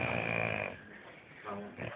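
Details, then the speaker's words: A rough, grating breath noise followed by a shorter one, from a man sleeping in a hotel-room bed; heavy snoring. "no one quite knows what motivates him to make that noise could be a mating call could be anything all we know it scares a living out of us this is quiet this is actually quiet the most disgusting final snor I've ever had"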